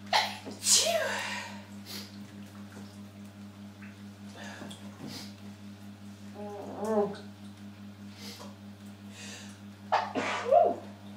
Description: incredibly sneezy in the shower so recorded on my phone for you all..... the sneezes at the end which are muffled are because i'm sneezing into my bath towel as I dry myself off....... hope you enjoy